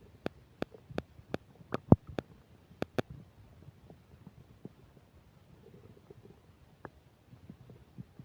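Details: Upset digestion while eating a burger and fish fries, recorded with a microphone: sharp pops and clicks followed by soft gurgles and faint crackle; bowel sounds (borborygmi), stomach rumbling during digestion.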